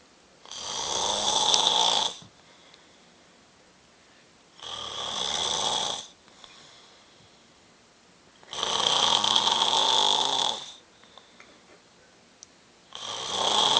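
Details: Snoring in a sleeping person: loud, harsh rasping snores in a steady rhythm, about 14 to 15 breaths a minute, with quiet pauses between.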